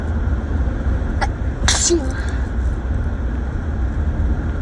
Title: Driving back home from a trip and sneezing